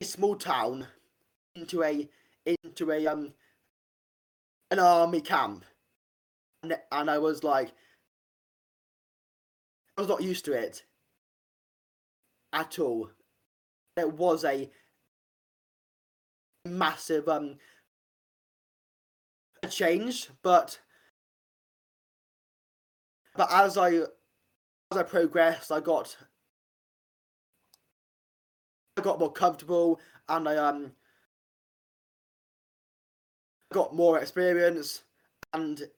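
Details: Adult man with a real stammer since age five, which he says worsens under stress; stammering (stuttering).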